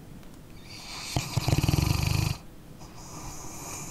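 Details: Sleeping dog snoring, ASMR recording: a single rattling, fluttering snore lasting about a second, followed by quiet breathing; harmless snoring.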